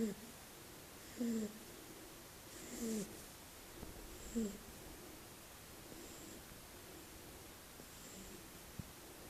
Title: Shar-pei puppy Berry - sweet snoring / Щенок шарпея мило храпит